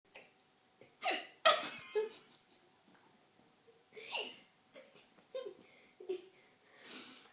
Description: Hilarious synchronized hiccups!!